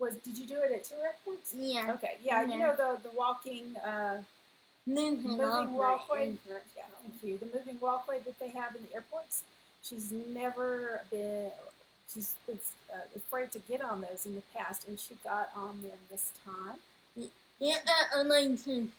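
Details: Adult woman speaking; ordinary speech.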